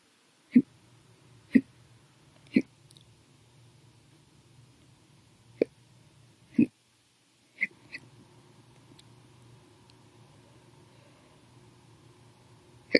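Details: Adult's violent, loud hiccups, audio only, in an episode lasting 7 hours 32 minutes after eating lunch and drinking soda after dinner.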